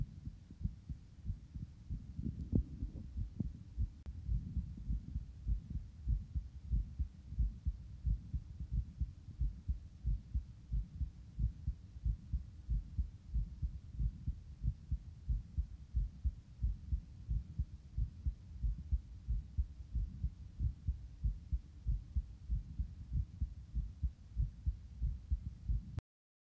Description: This is a recording of my heartbeat just after exercise, it starts fast and eventually slows.